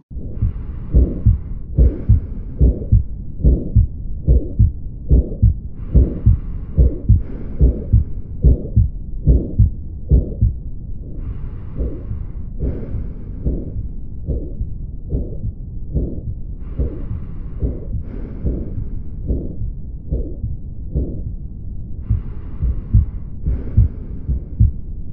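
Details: Aortic valve stenosis murmur: regular heartbeat at about 72 a minute with a harsh swooshing murmur between beats.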